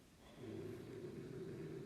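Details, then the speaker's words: A sleeping pet dog snoring in the background of a recording: a low, rumbling breathing noise with a soft snorting quality that rises and holds steady; snoring. "So go ahead and graph those 5. You can hear my dog snoring."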